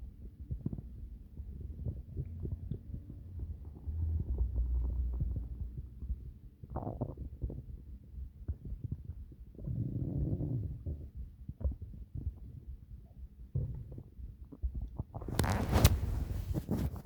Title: My stomach growling